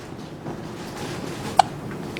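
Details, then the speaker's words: Three-day-old newborn girl, just after feeding on breast milk and formula, hiccuping because she drains the formula fast: one brief, sharp hiccup click over quiet room noise. "now she's got the hiccups because she drains the formula so fast"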